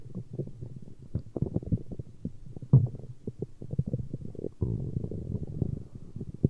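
Continuous low rumbling with rapid gurgling pulses and a longer growl near the end; stomach growling, a normal sound of digestion.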